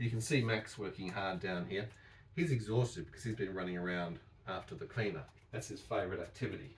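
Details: Adult man speaking; normal speech.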